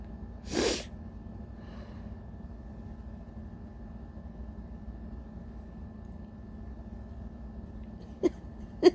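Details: Adult with allergies, tired, giving big uncovered tissue-induced sneezes: one loud sneeze, a long quiet stretch with faint breathing, then two short catching breaths of a sneeze build-up.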